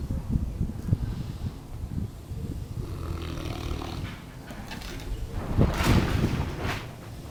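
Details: Almost one-year-old Neapolitan mastiff asleep: low, rough, rumbling breaths with snorting bursts; snoring.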